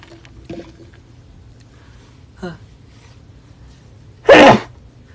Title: from onewe sneeze